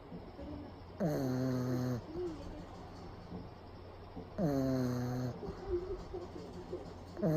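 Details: Pug dog napping with eyes rolled back, loud, regular buzzing snores on each breath in, about 18 a minute.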